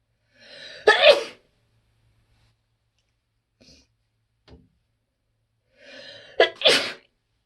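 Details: Loud allergic sneezing in a person with spring and fall allergies to tree pollen, grass pollen and ragweed: two loud sneezes, each with a short drawn-in breath before an explosive burst.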